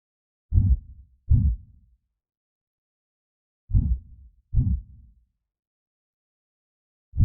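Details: Simulated creepy heartbeat sound effect: slow, deep paired lub-dub thumps, about 20 a minute, with silence between; not a real recording.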